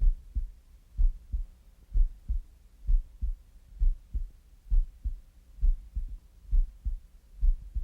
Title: Hardcore Rider Mountain (heartbeat sound)